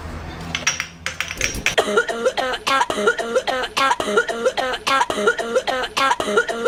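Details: A cough, described as annoying.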